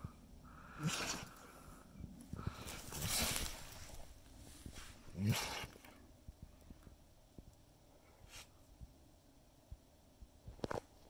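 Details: Treeing Walker Coonhound having a sneezing fit outdoors while camping in the mountains: several sharp nasal sneezes in a row.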